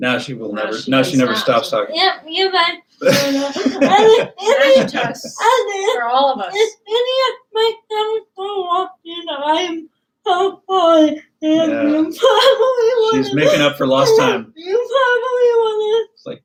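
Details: Dysarthria in a woman about to turn 20 with cerebral palsy; her speech is difficult to understand, and her father notes trouble with plosive sounds such as p and b.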